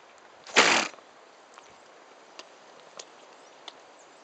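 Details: Miniature horse at a zoo (recorded February 2012) gives a single sharp, forceful, snort-like sneeze that sprays the camera, followed by quiet outdoor background with faint clicks.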